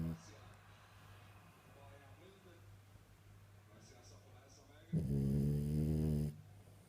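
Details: French bulldog snoring: quiet low rumbling breathing, then a loud, harsh, buzzing snore lasting over a second.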